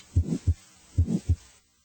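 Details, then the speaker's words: Teaching recording of a midsystolic murmur, as in physiologic flow murmurs or aortic stenosis: a harsh murmur beginning after S1 and ending with an audible gap before S2, over two heartbeats. "a midsystolic murmur as heard in physiologic flow murmurs or aortic stenosis begins after S1 and stops before S2 brief gaps are audible between the murmur and the heart sounds"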